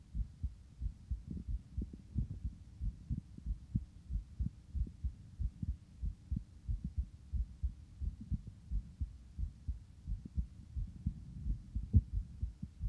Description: This is a recording of my heartbeat just after exercise, it starts fast and eventually slows.